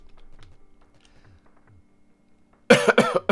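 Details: Adult who says they are sick, coughing while streaming a video game: quiet keyboard clicks, then a quick run of about three harsh coughs.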